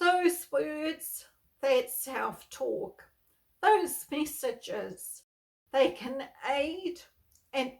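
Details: Spasmodic dysphonia, a neurological voice disorder, in an adult woman who has lived with it for over 38 years; she reports that stress worsens her voicing and speaking.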